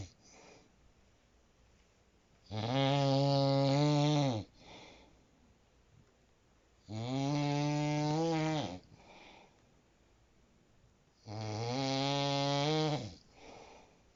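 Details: Loud droning snores about two seconds long on each inhalation, roughly every four to five seconds, from a sleeping adult; no added background sounds; snoring.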